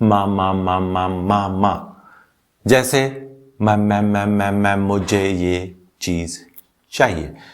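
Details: Pediatrician's acted imitation of a young child's stammering, repeating the first sound and word before finishing the sentence; stuttering (stammering).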